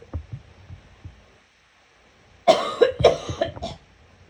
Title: Gagging cough